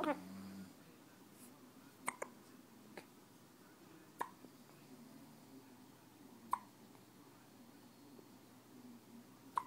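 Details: Brief sharp clicks recurring every one to two seconds, about five in ten seconds, against quiet room noise: hiccups.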